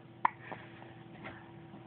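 A single sharp hiccup from a dog, followed by faint softer catches against quiet room hum.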